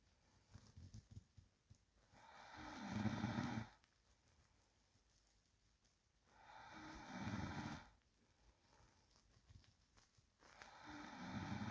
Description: Real sound of sleeping person breathing and low snoring.